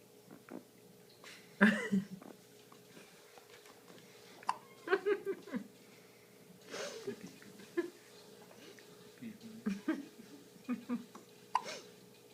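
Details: Nine-day-old newborn girl with hiccups: about a dozen small, abrupt, repeated catches of breath over several seconds, with a soft adult voice in the room.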